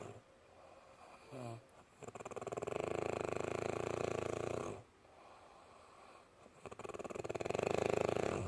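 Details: Snoring recorded around 2 o'clock: long, buzzing, fluttering snores on the in-breath, each followed by a quiet out-breath, in a small room.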